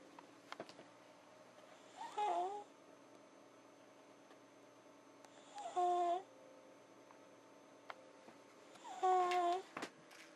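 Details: Child exhausted after a day at the beach and karate, snoring: three tonal, rattling snores on breathing in, about 18 per minute, over quiet room hum; snoring.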